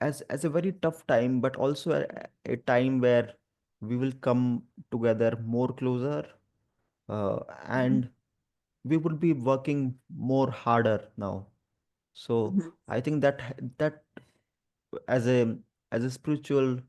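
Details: Adult male who stammers and also has dyslexia and dyspraxia, speaking spontaneously with word repetitions; stuttering.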